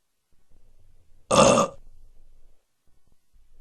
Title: Burping SFX